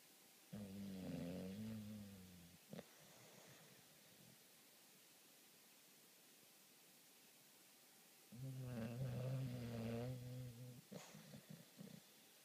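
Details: Bulldog snoring in sleep: long, deep, buzzing snores, two drawn-out breaths with quieter exhalations between them.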